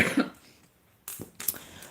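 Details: Adult with a lingering cough after a summer cold, coughing while talking.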